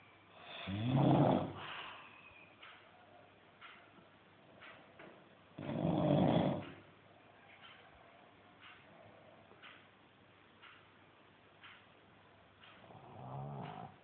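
Two loud, rough inward snores with a quiet stretch between, then a third beginning; low rattling noise on breathing in during sleep.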